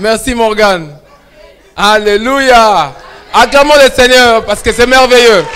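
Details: Adult male speaker; Normal voice.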